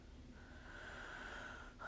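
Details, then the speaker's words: Normal venous Doppler signal with augmentation on a lower extremity venous Doppler ultrasound demo, femoral vein near the groin: soft steady venous whoosh, then a sharp rising surge with augmentation, flow returning at the end. "gonna do my augment good and the flow came back at the end"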